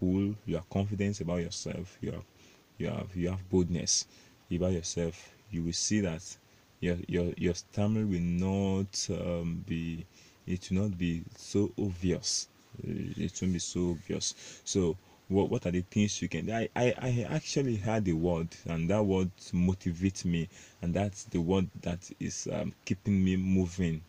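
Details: Stuttering (stammering) in an adult Nigerian male, self-described proud stammerer, with word repetitions.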